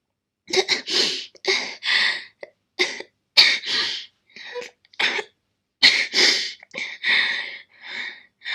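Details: Girl's persistent coughing fit: about twenty harsh, explosive coughs in rapid clusters with brief gasping breaths between.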